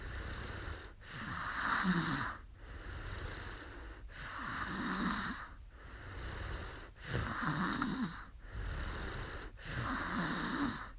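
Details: Adult woman asleep during a live sleep stream: slow, regular rasping snores on each breath in, about 20 breaths a minute, with quiet pauses between; ordinary snoring.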